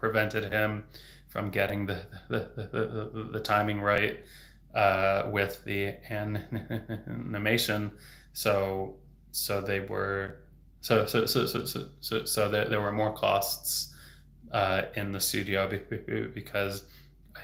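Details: Adult man who stutters, who reports getting stuck on words; stuttering.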